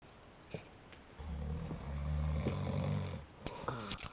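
A long, deep, rattling snore on the in-breath, with a quieter pause on either side.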